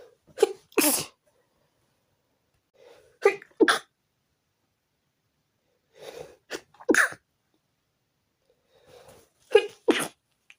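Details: Sneezing fit at 4 a.m. preventing sleep: four sneezes in ten seconds, each a short inward catch then a forceful burst, some in quick pairs, in a quiet room.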